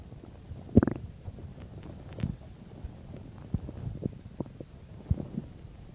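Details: Bowel sounds, believed to be 10–15 minutes after eating a bean and cheese burrito: low, irregular gurgles and rumbles with a few sharper squelches over quiet background; active borborygmi of normal digestion.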